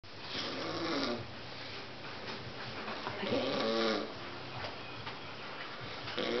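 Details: Rough, rattling snores in slow cycles, about 21 a minute, with quieter breathing between them; snoring during sleep.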